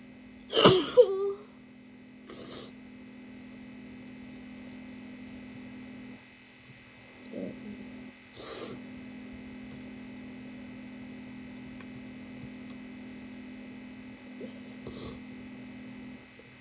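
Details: Barking sneezes from a sick female: one loud, harsh sneeze, then several smaller sneezes spread out over steady room hum.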